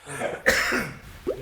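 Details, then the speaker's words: Adult cough: single forceful cough with sharp explosive onset and brief throaty trailing sound. "그때부터 좀 기침을 하더라고 성대모사를 막 6시간씩 하니까"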